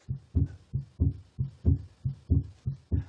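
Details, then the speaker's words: Heart sounds on stethoscope: regular rhythm around 90 per minute with a second heart sound much louder and sharper than the first, a cannon-like snapping closure; loud second heart sound. "non là l'intensité du deuxième bruit est bien plus forte c'est un petit coup de canon de et claqué"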